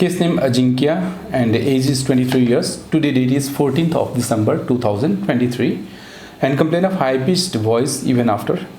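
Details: Adult male speaker; Typical speech.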